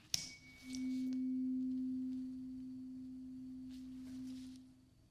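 A tap, then a pure steady hum that fades over several seconds: a struck tuning fork in an acted ear-exam role-play.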